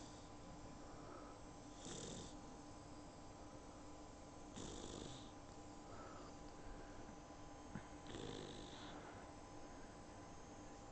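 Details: Sleeping puppy, very tired after her first bath, snoring softly and breathily about every three seconds over steady background hum; recorded on an iPhone.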